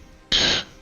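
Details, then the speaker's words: Adult with lingering cough after a stomach flu, single short dry cough against quiet room noise; cough. "And I'm still coughing as you can hear, which is also quite annoying. I've had a stomach flu before"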